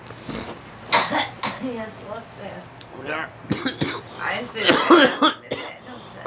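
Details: Several short, harsh coughs and throat clearing with nearby talking in a small room; cough.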